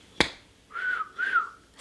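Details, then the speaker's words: Simple phonic (vocal) tic of Tourette's syndrome: a sharp click, then two short, clear whistle-like sounds. "phonic tics are also known as vocal tics simple vocal tics can be for example sniffing or throat clearing"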